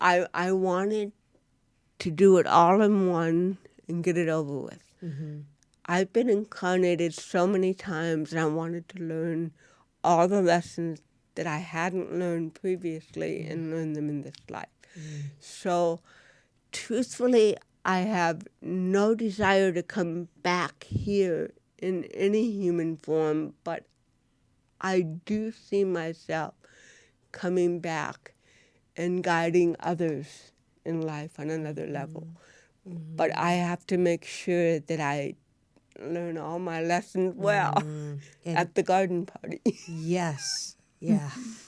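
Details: Woman (actress) with cerebral palsy, real, unacted speech in a studio interview; dysarthria (cerebral palsy).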